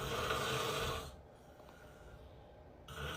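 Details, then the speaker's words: Adult man (dad) snoring: two loud, harsh snoring breaths separated by a quiet pause, while the babies seem scared by the sound; ordinary snoring. "Tamam. snoring. My poor baby is scared."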